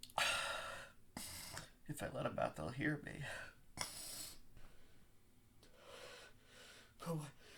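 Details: Acted, simulated stifled sneezes from a male: sharp gasping in-breaths and muffled held-back sneeze bursts, nose tickle driving the attempts.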